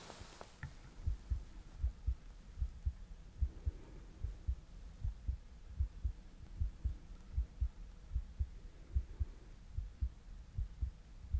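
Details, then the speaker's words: Simulated ER exam for a racing, pounding heart: carotid pulse heard through a stethoscope over the neck, steady regular low thumps at about 75 a minute. "So I just want to feel carotid pulse."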